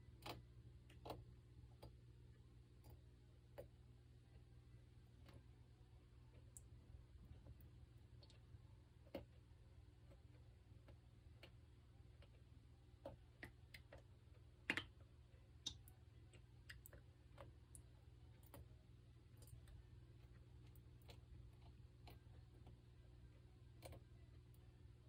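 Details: Goldfish grinding its pharyngeal (throat) teeth: sharp, irregular clicks over a steady low hum. It is not a chewing sound and occurs even at 2–3 am without feeding. Recorded on a smartphone microphone with volume boosted to 140%.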